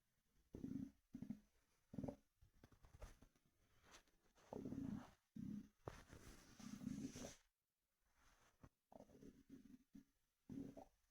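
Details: Close-mic stomach rumbling with Monster energy drink sloshing: gurgling, bubbling rumbles in short bursts with liquid moving in the gut.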